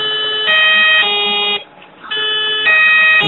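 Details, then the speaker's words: Power (AC) disconnection alarm of an AS 2000 anesthesia machine ventilator, unplugged at the back during a pre-use check: loud repeating electronic tones that shift in pitch, with a brief pause. "desenchufe el respirador por su parte trasera debe activarse la alarma de desconexión de aceh"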